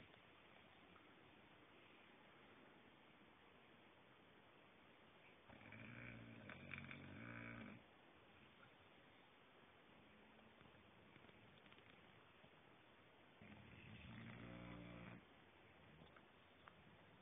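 Two rough, rattling snores about eight seconds apart, roughly seven to eight breaths a minute, from a dog in deep sleep; faint room noise.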